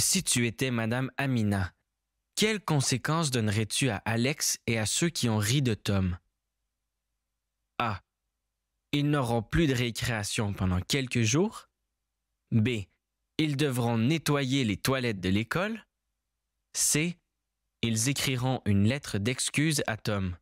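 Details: Adult narrator; normal speech.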